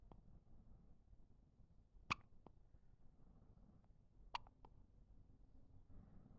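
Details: One-week-old baby with hiccups: two sharp, brief hiccup sounds about two seconds apart over quiet room hiss.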